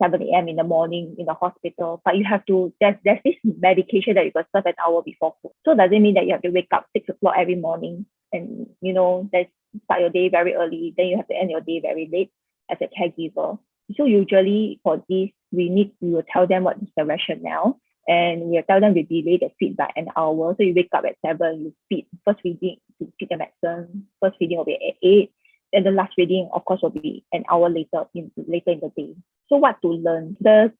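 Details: Adult woman speaking; Typical speech.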